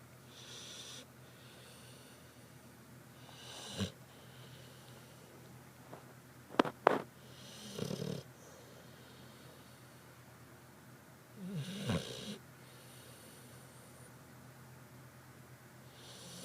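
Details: Sleeping dog gives quiet, irregular snorting breaths with a few louder, rattling snores against steady room hiss; snoring.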